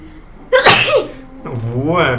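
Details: One forceful sneeze from a girl with a sharp explosive burst, then a brief voiced sound afterwards.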